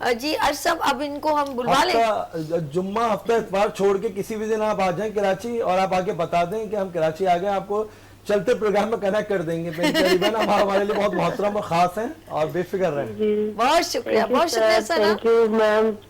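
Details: Adult woman speaking Urdu; Normal speech.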